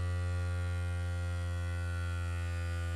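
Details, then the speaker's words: ProLogic 100 home blood pressure monitor, cuff on upper arm above the elbow crease, seated: steady low motor hum as the cuff inflates after pressing the button; blood pressure cuff inflating. "on pressing the button there'll be a short delay and then you'll feel the cuff start to"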